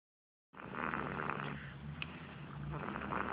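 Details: Sleeping 4-week-1-day-old baby girl snoring lightly: soft, rough, rattly breathing noise.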